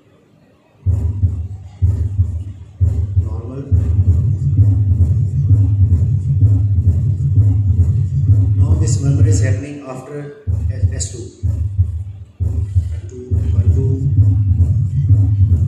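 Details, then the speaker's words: Heart sounds near 65 a minute with a low diastolic rumble: mitral stenosis murmur. "since this is one of the most commonest numbers i have actually got four different sounds of mitral sources here"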